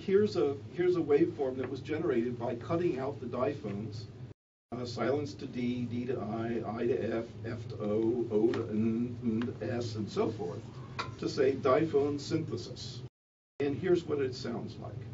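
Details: Adult man speaking; normal speech.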